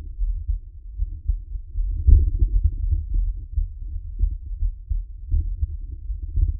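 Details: Man's own heartbeat recorded close to the chest for ASMR relaxation: soft, muffled low thumps in a gentle rhythm; an ordinary heartbeat.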